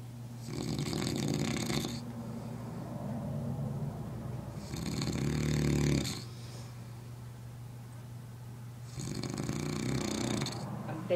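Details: Man snoring, with three loud, rough inhaled snores about every four seconds (roughly 15 breaths a minute) and quieter breathing between them.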